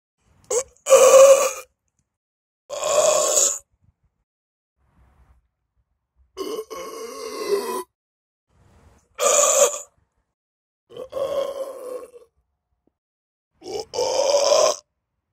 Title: Burp at school center Meckelfeld 😎 || Rülpsen am Schulzentrum Meckelfeld 😎